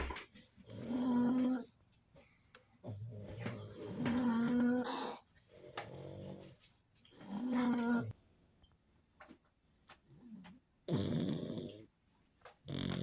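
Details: Sleeping pug snoring with little snorts: loud, rough, rattling snores at about 18 breaths a minute, with quieter exhales between; music in background.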